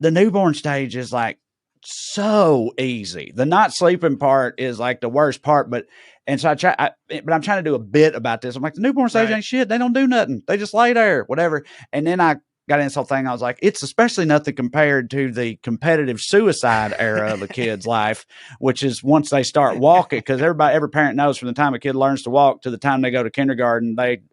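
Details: Adult male speaker; normal speech.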